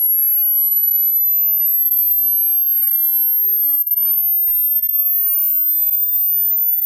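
A single very high, steady pure tone slowly rising in pitch, used as a hearing test sweep.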